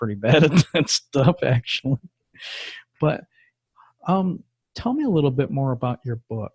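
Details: Adult male speaker; typical speech.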